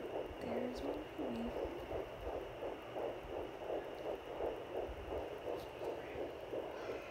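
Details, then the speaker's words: Fetal heartbeat on home fetal Doppler at 10 weeks 4 days pregnant, found just below the belly button: rapid, regular whooshing pulses about 170 a minute over steady Doppler hiss, described as sounding very healthy. "Oh, there you are again. Okay, as you can see, he's right below my belly button. Sounding very healthy."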